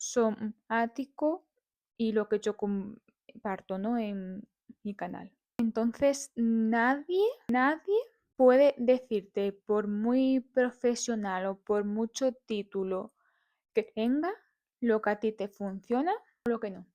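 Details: Adult woman living with stuttering (disfemia), speaking live in a radio interview; stuttering.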